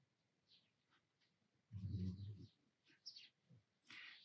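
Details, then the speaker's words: A single low, rumbling snore from a sleeping dog, with faint scratching sounds in a quiet room; snoring. "if you can hear somebody snoring it's not my husband it's the dog"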